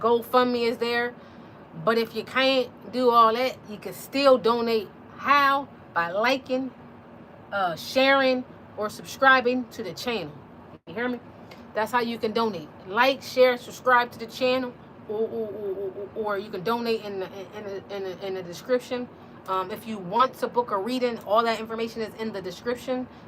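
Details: Adult woman with stuttering who had speech therapy for it in high school.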